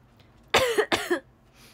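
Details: Two quick, harsh coughs close together in a quiet room from a young woman with asthma, no cold, fever or runny nose; asthma cough.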